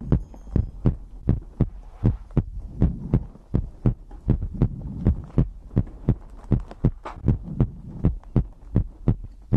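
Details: ASMR heartbeat recording from a sleep compilation: steady thudding heartbeat at about 79 beats a minute over a low hum, with soft breathing in the background.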